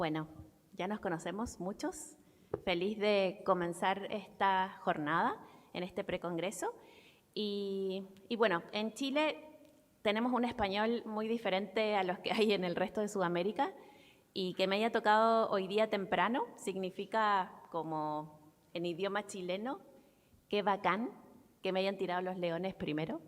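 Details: Adult woman speaking Spanish; Typical speech.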